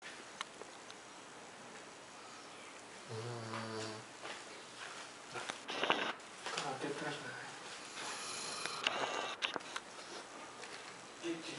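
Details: Buzzing in-breath snore then irregular snuffling breaths from a sleeping, dreaming female Rhodesian ridgeback in a quiet room on New Year's; snoring.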